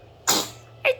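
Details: A single short, hissy sneeze with a brief second sound from an infant, over a steady low room hum.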